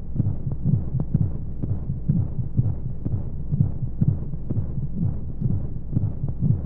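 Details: Womb sound sleep aid for babies: muffled, regular rhythmic low thumps with a whooshing flow noise and white noise background, like a heartbeat heard from inside the womb; heartbeat.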